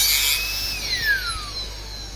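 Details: Dental drill whining at high pitch, dropping as it cuts a secondary flare on the buccal wall of the proximal box of an inlay cavity.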